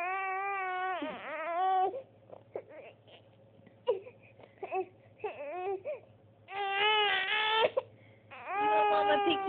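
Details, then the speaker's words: 6-month-old baby girl, tired during tummy time, sucking her thumb: fussy crying in bursts with whimpers and pauses, an ordinary tired cry, while a parent comforts her. "oh no oh you're so sad oh man oh no baby girl what the matter what's the matter k me oh no you make such sad faces"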